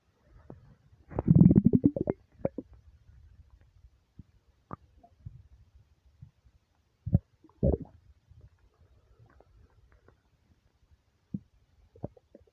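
A long, deep gurgling rumble followed by scattered short gurgles and pops in a quiet room; ordinary stomach rumbling from an empty stomach.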